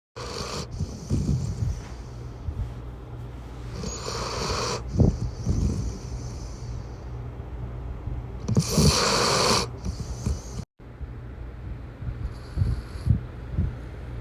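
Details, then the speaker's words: Low rattling breaths with snorts over a steady background hum: a boy snoring deliberately as loud as he can. "You're just snoring too loud. You're just snoring too loud."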